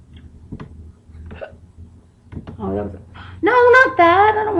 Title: damn hiccups.wmv